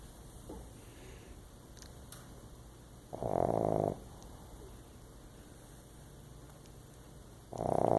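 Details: Sleeping comfortably on someone's lap: loud, buzzing, rattling snores under a second long, about four seconds apart, with quiet room noise between; snoring.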